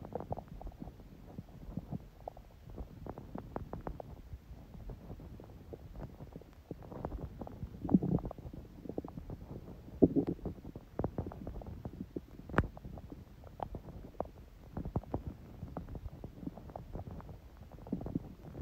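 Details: Stomach sounds on a day with smoothie breakfast and salad, owner noting the stomach stayed quiet even when hungry: soft, irregular gurgles and low rumbles from the abdomen; quiet ordinary bowel sounds.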